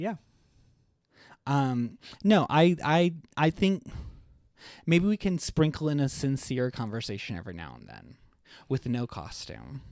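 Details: Adult male with a lifelong stutter, much worse as a child and less frequent now, with blocks and awkward pauses, using 'like' to get out of a stutter; stuttering.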